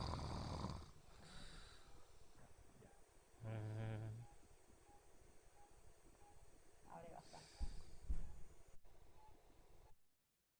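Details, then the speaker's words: Patient with obstructive sleep apnea during endoscopic airway exam, mouth opening: low, rough snoring from palatal collapse, epiglottis and tongue base open, then quieter stretches as breath sounds fade in apnea; snoring with obstructive sleep apnea. "El paciente ahora abre y empieza a roncar. Esto es el paladar. Esto es lo que ocurre cada noche en su casa mientras duerme."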